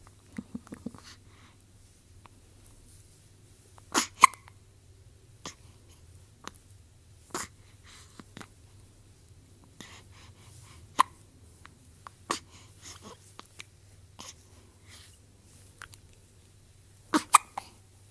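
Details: Quiet, sharp hiccup clicks recurring irregularly over about 18 seconds against a low hum; repeated hiccups.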